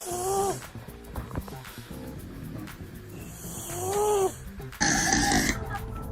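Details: A female cat snores while asleep, with music in the background; snoring.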